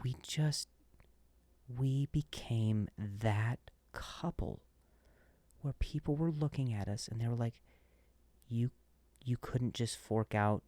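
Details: Adult male comedian who stutters and says he switched to a different word after stuttering; word repetitions; stuttering.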